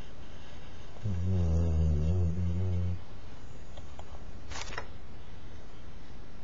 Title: Snoring Spaniel